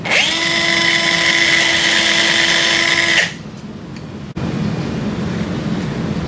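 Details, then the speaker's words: Powered DF reamer run in the taper post from the 12 o'clock position during a wrist total arthroplasty demo on a Sawbones model: steady high-pitched motor whine about three seconds, then stops. "Place the DF reamer into the taper of the taper post. Align the guide so that the reamer is coming down from the 12:00 position and ream until the shoulder makes contact with the back of the DF"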